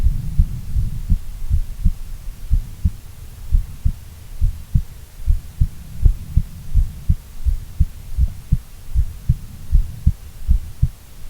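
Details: Female heartbeat, long recording: steady, regular low thumps at about 80 beats a minute; normal heart sounds.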